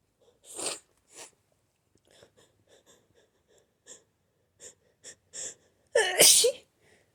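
Soft breathy buildup sniffs and gasps, then a loud, forceful explosive sneeze; a powerful sneeze during a cold.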